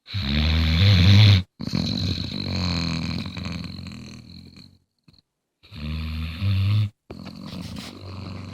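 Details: Sleeping Bluetick Coonhound dog snoring: loud, deep rumbling snores with gaps between breaths; ordinary snoring.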